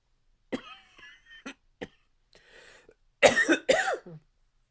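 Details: Dry, barky cough from a male, strong enough to shake his chest; dry barking cough.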